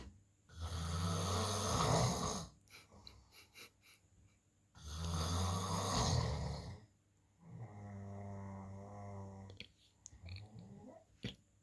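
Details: Sleeping man snoring heavily: loud, rattling, low-pitched snores on breathing in, with quieter breaths out between them, about 15 per minute.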